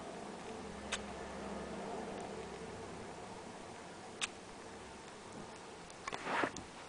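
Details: Pet chipmunk sneezing, owner seeking advice: about three tiny, sharp sneezes at spaced intervals against quiet room hiss, the last a slightly longer burst.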